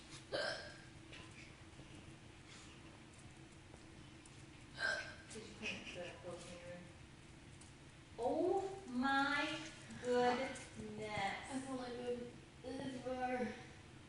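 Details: Hiccups: a sharp hiccup-like catch, then more sharp bursts and voiced sounds over a steady room hum.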